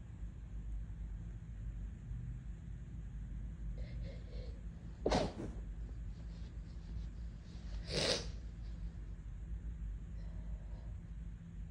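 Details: Sensitive nose, stifled sneezing: two short, muffled sneeze bursts a few seconds apart over a steady low room hum.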